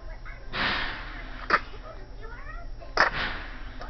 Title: sneezing